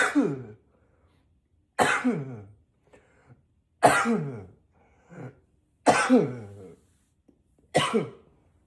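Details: Repeated coughing, sometimes deliberately in a deeper voice: five forceful coughs, some with a short follow-up cough, about one every two seconds.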